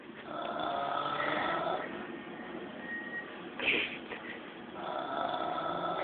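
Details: Father snoring on the sofa at night: slow, drawn-out snoring breaths with a nasal, whistling tone, about four seconds apart, with a brief noise in between.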